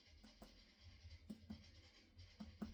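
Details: Abdominal percussion of the four abdominal quadrants during a GI assessment demonstration, producing tympanic and dull percussion notes.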